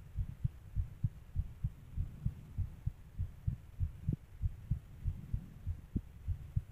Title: fast heartbeat ❤